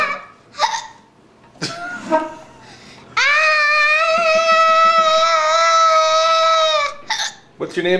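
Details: Little boy with hiccups, asked to make his sound: a few abrupt hiccup catches in a young child's voice, with a long sustained vocal 'ah' in between.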